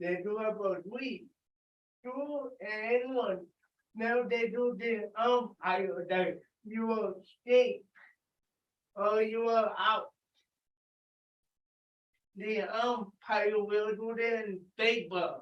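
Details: Dysarthria in an adult with cerebral palsy, calling out an exercise after being prompted to talk loudly.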